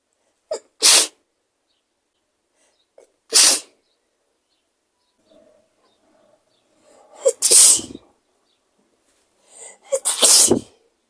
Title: Powerful sneezes 💕